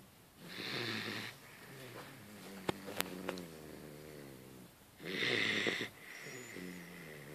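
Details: Sleeping Hungarian Vizsla puppy: two breathy, raspy snores a few seconds apart, with soft whistly breathing and small clicks between them; snoring.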